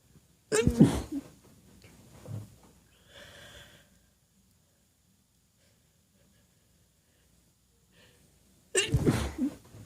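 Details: Female deliberately sneezing quietly because everyone else is asleep: two sharp, explosive sneezes several seconds apart, each with a brief in-breath before it, in a quiet room.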